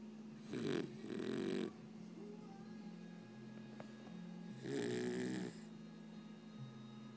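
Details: Scottie snoring: rough, rattling snores on the in-breath, three bursts in about seven seconds, over quiet room noise.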